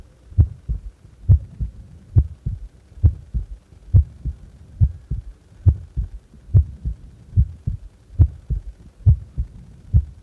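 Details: Resting heart, subject doing nothing: steady paired lub-dub heartbeats about 70 a minute; normal heart sounds.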